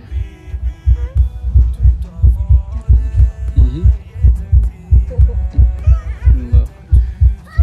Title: Sound of my heartbeat 💓